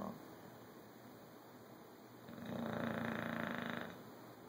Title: My snoring dogs